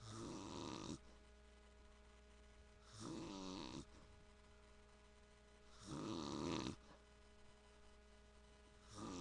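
Rhythmic rattling snores on the in-breath, about 20 breaths a minute, over a steady room hum; ordinary adult snoring.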